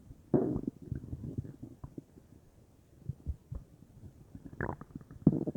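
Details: Quiet bubbling and gurgling bursts with low rumbles and near-silent gaps from a person's belly, stomach or intestines uncertain, belly felt bubbly; bowel sounds (borborygmi).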